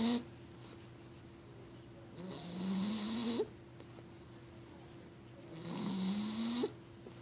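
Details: Snoring recorded 6/25/2013: two long, rising, buzzing snores on the in-breath, about 3 seconds apart, over a steady room hum; ordinary snoring.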